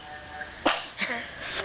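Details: One sudden explosive burst of air with a short voiced tail, a single sneeze, with a dog present in the room.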